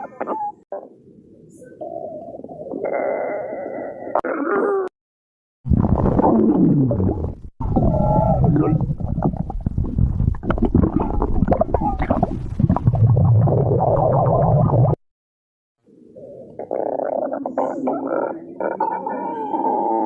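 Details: Long, low gurgling and rumbling stomach growls separated by brief silences: ordinary bowel sounds (borborygmi).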